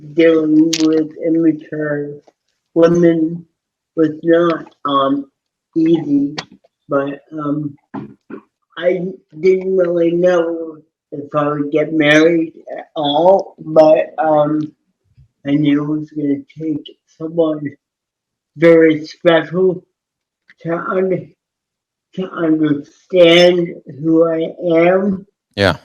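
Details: Dysarthria in an adult man with cerebral palsy from oxygen loss at birth, self-rated about 5 to 7 of 10 in severity, wheelchair user; speech impediment described as hard to understand, especially on the phone.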